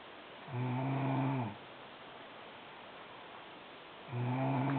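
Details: Sister snoring loudly in sleep: two loud, low, buzzing inspiratory snores, each about a second long, separated by quiet breathing.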